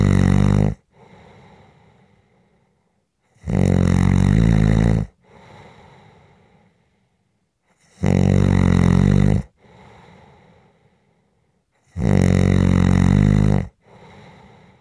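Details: Loud, rough rattling snores about every four seconds (roughly 15 a minute), each followed by a softer breathy exhale; steady sleep snoring from a relaxation/white-noise recording.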